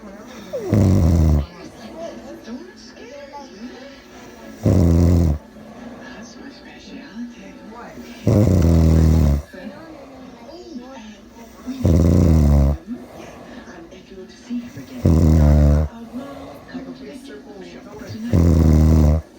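Loud, deep rumbling snores about every 3.5 seconds, roughly 17 a minute, with quieter background sounds between them; heavy snoring.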